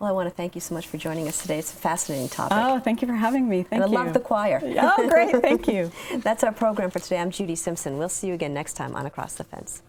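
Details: Adult women, conversational exchange; normal speech.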